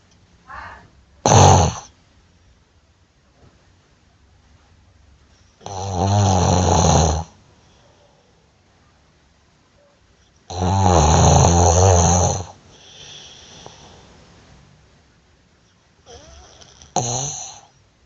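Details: Snoring during sleep: loud, long, low rumbling snores on breathing in, irregular, about 12 per minute, with softer breath sounds between.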